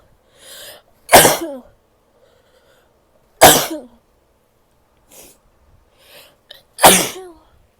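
Three loud, forceful sneezes, each preceded by a quick inhaled breath, with quiet sniffs between them.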